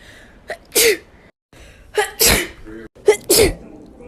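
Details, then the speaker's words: Young woman sneezing indoors, who blames a pollen allergy and thinks she may have a fever: three forceful wet sneezes, each preceded by a sharp in-breath, in a small room. "I'm in my house. I ain't even near a tree. Why am I allergic to pollen?"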